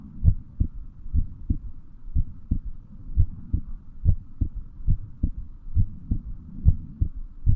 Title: Heartbeat sound